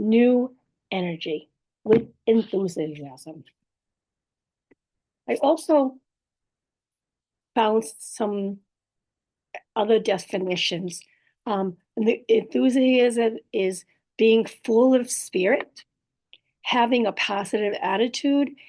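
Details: Woman in recovery after a stroke with aphasia, a language disorder, plus apraxia of speech and dysarthria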